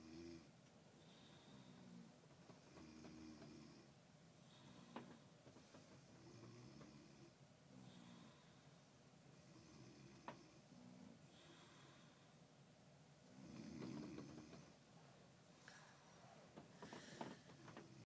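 Soft, quick, repeated snoring and snuffling breaths, fairly irregular, with a few clicks and rustles in a quiet room.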